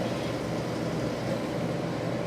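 Steady low mechanical hum of a home oxygen concentrator running normally.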